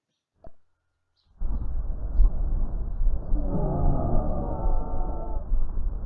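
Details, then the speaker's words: Expiratory wheeze heard through a stethoscope: high musical whistle over rough breath noise during breathing out; often occurs in asthma and can be audible even without a stethoscope. "generalmente suele pasar a veces en las personas con asma y a veces no es necesario siquiera y colocarse el estetoscopio para escuchar una civil ancia porque se suele escuchar este sonido característico sin hacer uso del estetoscopio"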